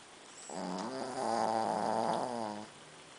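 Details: Shih Tzu in deep sleep snoring: one drawn-out, buzzing, nasal breath lasting about two seconds in a quiet room.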